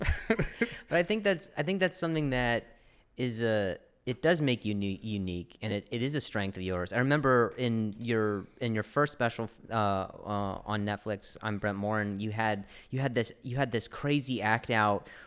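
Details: Adult male podcast host who stutters, speaking in conversation; stuttering.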